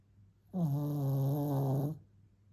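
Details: Pampered pet dog snoring: one drawn-out, low, tonal snore about a second and a half long, rising sharply and falling away.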